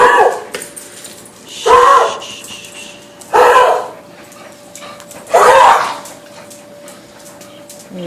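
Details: Dog coughing: four harsh, honking cough bursts about two seconds apart over a faint steady hum.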